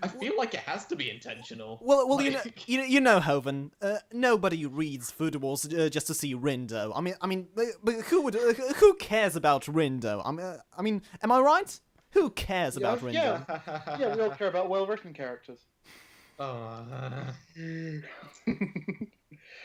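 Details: Man who self-identifies as a stammerer, in natural conversational speech with word and phrase repetitions; stuttering.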